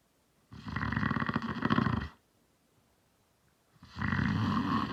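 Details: Adult man (speaker's dad) snoring: loud, rattling snores on breaths in, with quiet pauses between them.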